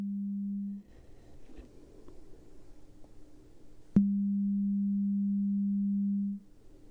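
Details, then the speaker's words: Headphone beep test in an acted ASMR ear-exam role-play: steady pure beep tones separated by a quiet pause with faint room sounds; patient raises hand or names ear; audiometry beep test tones. "Alright, so next we have some headphones and we're gonna put them on and we have a beep test, okay? So this beep test, there's two different types."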